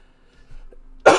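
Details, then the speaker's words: Single sharp cough after a quiet stretch with faint background sounds, from a live streamer who says they are not feeling well and are coughing too much; they wonder jokingly whether it is an allergy. "Ugh. Yeah, I'm coughing too much, so I probably should end the stream now and stop talking."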